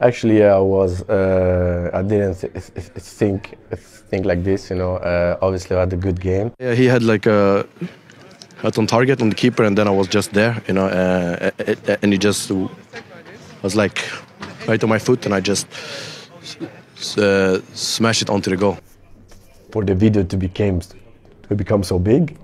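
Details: Adult Swedish man speaking English as a second language who has stammered since about age six; stammering.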